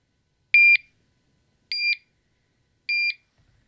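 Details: Three short, high, evenly spaced double-tone beeps in a quiet room as a medical device switches on, recorded by a patient under treatment for leukemia.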